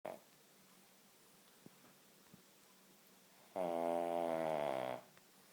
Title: Loud snoring King Charles spaniel. Drives us mad.